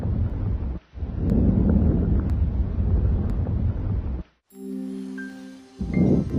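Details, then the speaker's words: Normal vesicular breath sounds over the lung fields on chest auscultation: soft, low, rustling breathing with a brief musical interruption. "you should also hear Branko vesicular sounds over the main bronchi and vesicular sounds over the rest of the lung fields"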